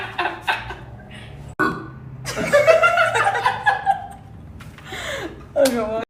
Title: loud burps by girl